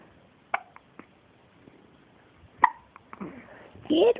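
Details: Baby girl with hiccups: several brief, sharp catches about once a second in a quiet room, then a short infant vocal sound; infant hiccups.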